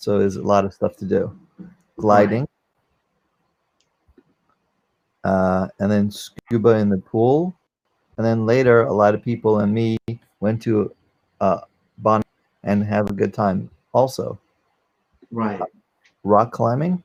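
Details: 44-year-old man, former NYC paramedic, with aphasia from a stroke during surgery for a heart valve prolapse, unable to use one arm; aphasia after stroke.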